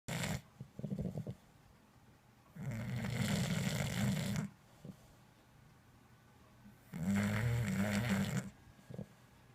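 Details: Two long, low rattling snores on slow breaths, about 15 a minute, with quiet pauses, from a sleeping English Bulldog in a small room.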